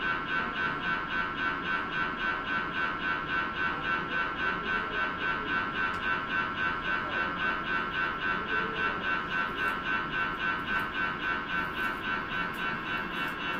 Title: MRI noise #subscribe #please